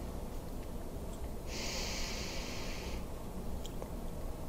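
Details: Huff cough (forced expiration technique) taught for children and adolescents: big belly breath, 3-second hold, mouth in an O shape, then full exhalation as if fogging a mirror to clear lower-lung mucus.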